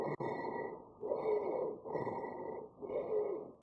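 Breath sounds through a stethoscope with high, musical whistling over several breath phases: wheezes.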